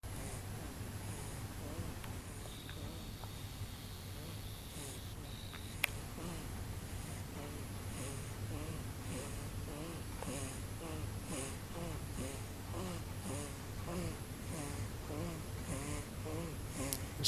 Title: Little Snores